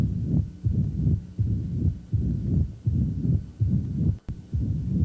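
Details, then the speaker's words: Mitral stenosis murmur heard over the apical impulse, not radiating widely; louder with a slightly faster heart rate: low rumbling murmur filling each cycle at about 80 a minute, brief squeaky noise near end. "mitral valve stenosis does not radiate widely you may only be able to hear it over the apical impulse"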